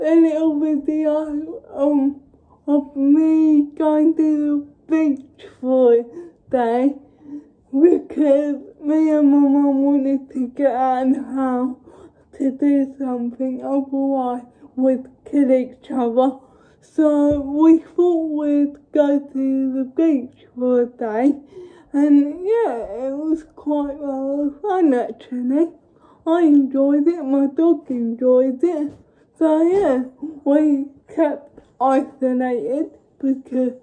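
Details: Dysarthric speech in a woman with cerebral palsy, speaking English.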